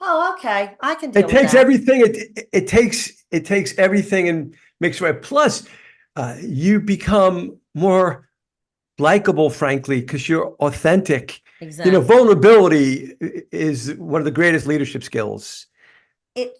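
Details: Adult man, life-long stutterer, describing his stuttering as a neurological condition that worsens when tired; stuttering.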